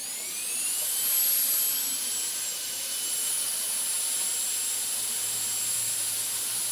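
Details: Dental drill sounds recorded as ASMR, turned on and off: a high-pitched whine as the dental drill spins up, then runs steadily at high speed.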